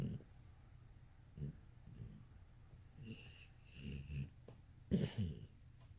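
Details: Snoring recorded September 16, 2018: low, rough, irregular snorting breaths over a faint hum.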